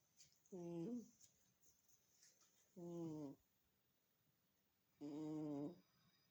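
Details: Sleeping cat snoring loudly: three humming, buzzy snores about every two seconds, roughly 26 a minute, in a quiet room; ordinary snoring.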